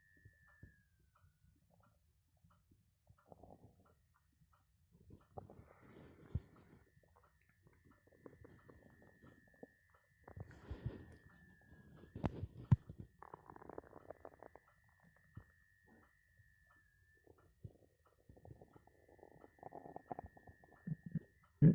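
Irregular low gurgles and rumbles from an empty stomach: ordinary hunger growling.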